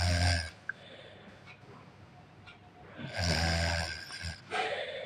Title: Snoring Kid in Night